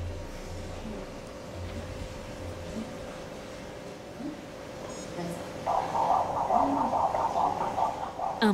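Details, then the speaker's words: Low room hum, then rapid rhythmic whooshing pulses of an unborn seal pup's heartbeat, about 140 a minute, heard by ultrasound machine on the mother after 11 months' gestation; the pup is alive. "battement de cœur. Le petit est sain et sauf."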